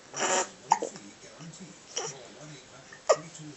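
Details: Hiccups: three sharp, abrupt voiced gulps about a second apart, with a soft breath before them.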